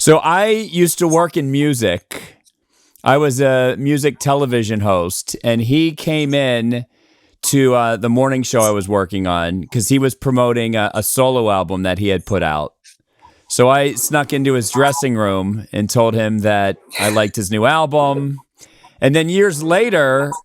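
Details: Adult male speaker; normal conversational speech.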